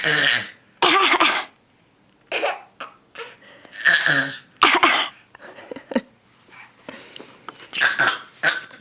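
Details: Young boy deliberately fake coughing: a series of forced, throaty coughs and throat clears, not illness-driven, with laughter afterward.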